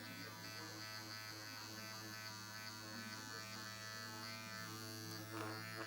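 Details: Continuous low electric buzz with faint steady hum from a Dr. Pen microneedling device used on the face at home, skin pulled tight, with quiet room sound.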